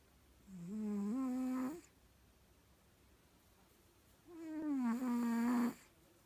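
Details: Cat snoring in sleep: two long, tonal, humming snores, each over a second, separated by a quiet pause of a few seconds.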